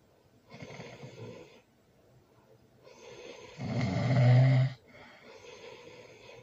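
Breathy snoring, one breath building into a loud rattling snore, then softer breathing again.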